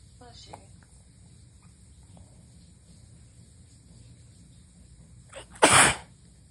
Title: 1/6/23, STRONG sneezes with gf blessings